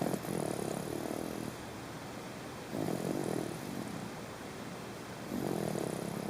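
Soft, low rumbling breaths at a steady pace against steady background hiss: light snoring in a sleeping baby.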